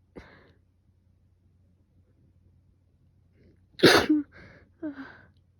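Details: Person recovering from fever, with sore throat from coughing and sneezing, in a sneezing fit: faint breathy sound, then one sharp explosive sneeze with trailing breaths and voiced sounds.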